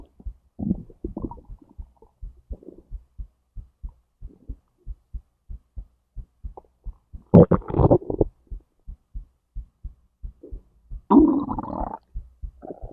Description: A whole digestive process pretty much, from my stomach to my intestines